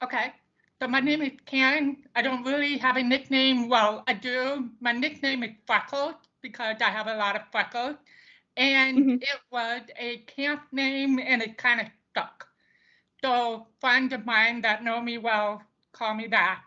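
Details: Deaf speech of a woman deaf since birth, diagnosed at 18 months, who wore bilateral hearing aids until college and now uses cochlear implants.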